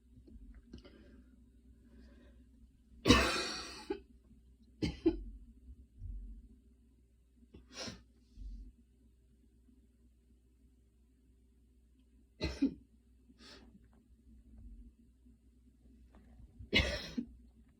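Several light coughs and throat clears spread out between breaths, with a low hum in the room; a mild cough after exercise.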